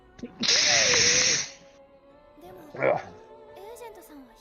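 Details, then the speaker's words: A single loud, forceful, wet-sounding sneeze with a brief intake of breath before it, over quiet game music; blood is noticed afterwards, possibly from a nosebleed during a nap. "Sneeze. I could tell we could hear it. It sounded very wet."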